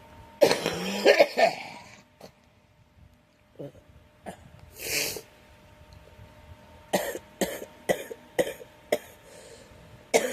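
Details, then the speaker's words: Girl struggling with a cold: a throat-clearing cough followed by a run of about eight short dry coughs. "Excuse me. I am so sorry, everyone. I'm struggling with this cold."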